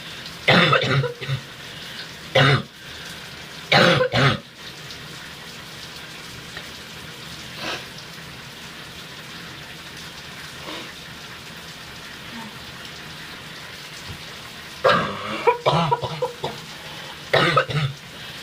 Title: Coughing and spitting with steam from the shower